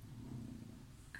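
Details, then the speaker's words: English bulldog snoring: a loud, low, rumbling, fluttering breathing noise typical of the breed. "excusez moi vous entendez mon chien qui rompent excusez moi j'en rigole parce que vous avez entendu ce bruit"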